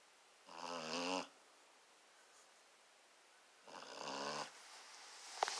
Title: Delilah the basset hound snoring